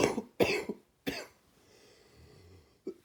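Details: Wet, gaggy productive cough during a cold at the end of summer or start of fall: three loose, wet coughs, then quiet breathing and a brief throat sound.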